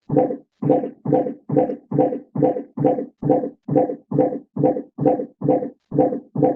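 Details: Intermittent fetal heart auscultation in labour for 15-second counts: a deceleration that recovers over the first 20 seconds to a true baseline of 158 beats per minute; 60-second counting may falsely reassure.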